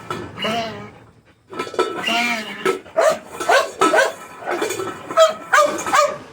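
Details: Dog wheezing: repeated squeaky, whistling breath sounds from narrowed airways.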